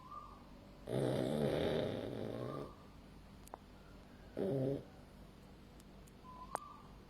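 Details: Snoring in a sleeping male French Bulldog born August 2020: two snorting, rattling snores, one long and one short, in a quiet room.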